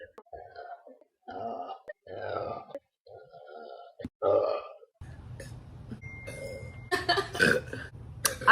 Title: Girl Burp compilation clip 5